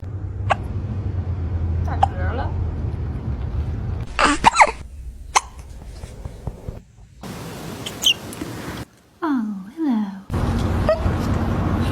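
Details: Kitten with hiccups making brief, sharp little hiccup sounds, with a cat's meows and room noise in the background.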